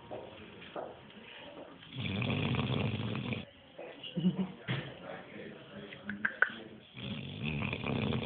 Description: A dog at a light shop. He was just completely in deep sleep even many customer were walking around.